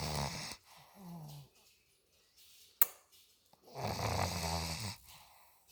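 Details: Olde English bulldog snoring: rough, rattling breathing sounds on inhale and exhale in a quiet room, with one sharp click.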